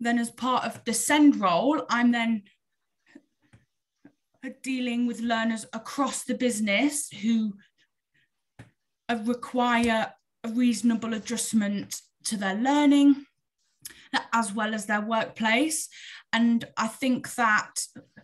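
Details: Adult woman who stammers, speaking openly with her stammer; long wordless gaps between phrases suggest blocks; stuttering (stammering).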